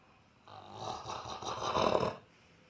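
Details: Dog snoring while asleep with a ball in his mouth: a single rough, fluttering snore lasting under two seconds, with a snorting quality.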